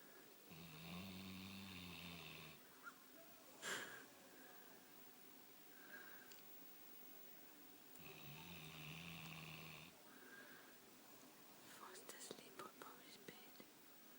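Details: Two long, buzzing, rattling snores about seven seconds apart, with quiet breathing and small rustling between, from Riddick, who sleeps on the bed with the household at night; snoring.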